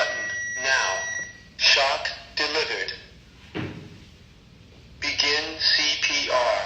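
Synthetic voice prompts from a defibrillator advising a shock, telling rescuers to clear the patient, confirming delivery and instructing to begin CPR.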